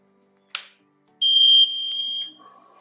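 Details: Invacare Perfect oxygen concentrator high-pressure alarm test at maximum flow, simulated by disconnecting the four-way solenoid valve power cable (main valve coil failure): a click, then loud steady high-pitched alarm tone that fades and stops; oxygen concentrator alarm.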